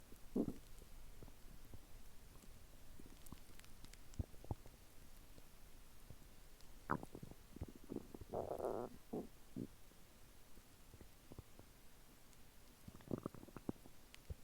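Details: Ordinary bowel sounds after eating chicken nuggets and fries, which the person thinks have already reached the lower intestine: soft intermittent gurgles and bubbling rumbles.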